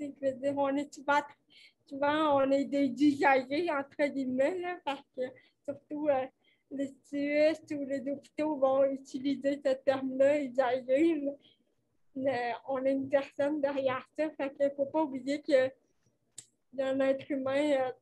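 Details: Dysarthria associated with cerebral palsy in a 29-year-old woman, caused by lack of oxygen at birth; she appears to mention speech difficulties; real conversational French speech.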